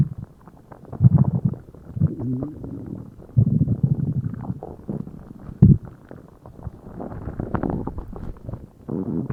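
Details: Bowel sounds (borborygmi) after a meal: loud, continuous, low gurgling and rumbling from the abdomen, the active sounds of digestion.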